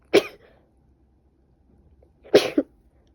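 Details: Woman with a bad cold sneezing: two short, sharp, explosive bursts a couple of seconds apart, the second with a quick follow-on.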